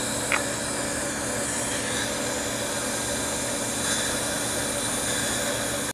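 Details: School child's professional teeth cleaning in a Swiss school dental clinic after a plaque check: steady high-pitched whirring and hissing of a running dental handpiece with suction noise.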